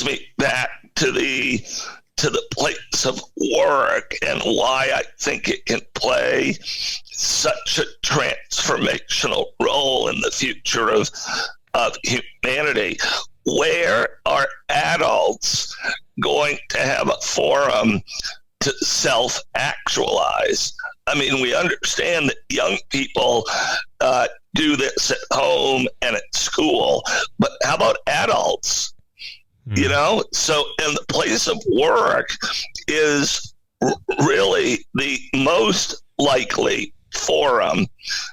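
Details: Adult male CEO with spasmodic dysphonia, a rare neurological voice disorder affecting only speech, with no known cause and no known cure; acquired in 2010, when using his voice suddenly became hard; finding: spasmodic dysphonia.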